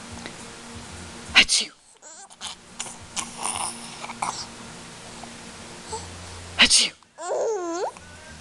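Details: 7-month-old sneezing: two sharp sneeze bursts with a high voiced squeal after the second, against hissy background noise and faint music.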